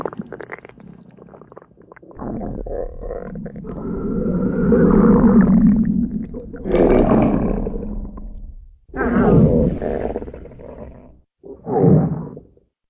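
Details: Loud, long rumbling and gurgling stomach growls come in several bursts with quiet gaps, at a sleepover; borborygmi, a normal sound of gut movement.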